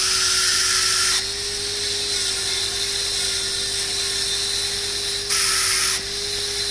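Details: Dental handpiece with a straight fissure bur cutting a class 5 cavity (cervical third, buccal surface, maxillary first molar), about 0.75–1 mm deep, for a GIC restoration. Steady high-pitched whine shifting in pitch as the bur cuts.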